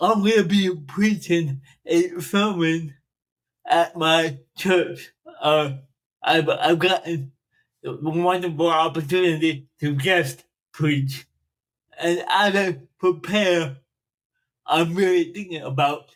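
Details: Adult man, 42, with dysarthria from cerebral palsy present since birth, which he says affects his speech; he makes an effort to enunciate and speak louder when recording.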